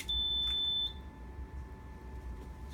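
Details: A single steady high-pitched beep, under a second, over low room hum as a ventilator is switched on during a setup demonstration: the start-up tone before its pre-use self-test, which checks for leaks.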